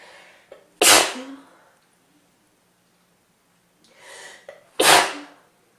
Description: Another cold wav for you guys, a little short but there are some sneezes and a stuffy blow at the end. Enjoy!